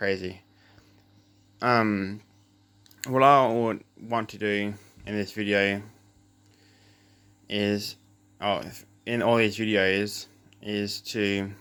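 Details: Adult male with cluttering since birth, plus a lisp; doubles words, runs words together, speaks too fast and uses fillers; cluttering.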